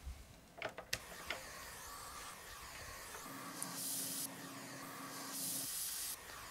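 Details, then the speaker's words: Function check of the built-in suction on a Maquet Servo-U ventilator being prepared as an in-hospital transport ventilator in an ICU: a few clicks, then a steady motor hum and hiss as the suction runs. "Kontrollera att sugen fungerar."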